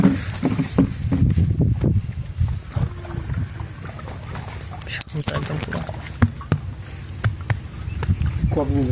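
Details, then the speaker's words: Low, irregular sloshing and splashing thuds with each step from a calf whose belly swelled with a large volume of fluid after an earlier illness; abdominal fluid splashing (succussion splash). "তো পেট ফুলে যাওয়ার কারণে প্রচুর পরিমাণে পানি সে হাঁটলেই পানির শব্দ পাওয়া যায় ছলক ছলক শব্দ"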